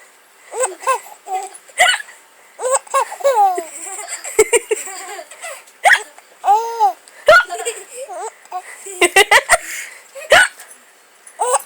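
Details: Sharp, brief hiccup catches from a baby girl repeat between bouts of giggling and laughter as her mother copies the hiccups, her first real laugh; hiccups.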